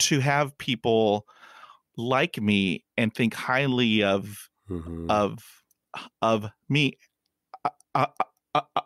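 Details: Adult male podcast host who hid his stuttering for about 35 years and still stutters; real, non-acted speech; stuttering.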